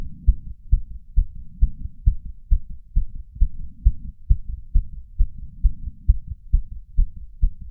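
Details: 31-year-old man's racing heart after exercise, recorded with a lapel mic and small ceramic bowl; fast, regular, pounding beats around 130–150 per minute with soft breath sounds between beats; sinus tachycardia.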